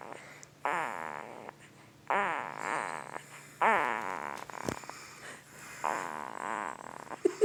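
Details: Sleeping 2-week-old newborn boy making repeated short squeaky, buzzy grunts, about four in seven seconds; ordinary noisy newborn sleep breathing with grunting and snoring.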